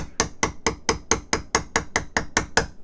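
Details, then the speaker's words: Rotator cuff repair demonstration: about twelve sharp, evenly spaced metallic mallet taps driving a suture anchor into bone, tightening the repair, done one-handed. "so we tap this anchor into bone just a couple Taps hopefully more"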